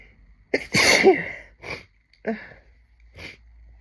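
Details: Adult sneezing: a sharp in-breath, one big explosive sneeze, then a few small breathy sounds and sniffs; sneeze.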